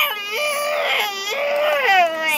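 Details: Baby girl with hand, foot and mouth disease that still hurts, sleeping poorly: loud, sustained, rising and falling wails, a distressed infant cry.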